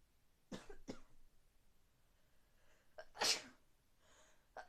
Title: Sneezes for raining